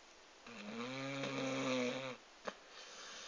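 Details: Dog in a deep sleep snoring: a single long, loud, buzzing, slightly whistling inward breath, then a brief snort.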